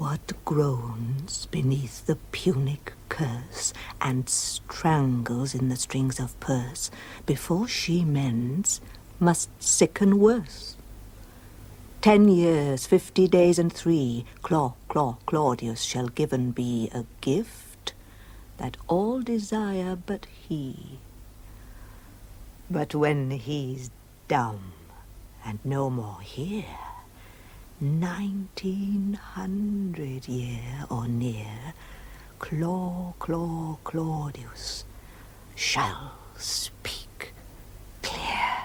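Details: Stammering acted by an actor in a drama, with repeated syllables on the character's own name.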